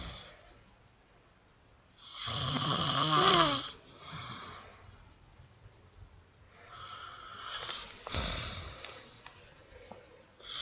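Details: Adult man (dad) snoring heavily: loud rattling snore on an in-breath, then quieter snoring breaths in a small quiet room.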